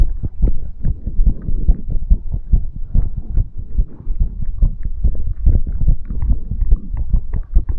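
Rapid, steady low thumping heartbeat, roughly 140 beats a minute, a fast heart rate after exercise.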